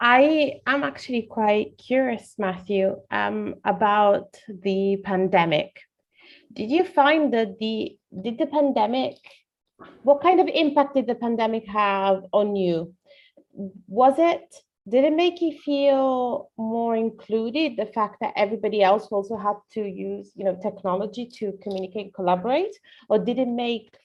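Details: Adult woman; normal speech.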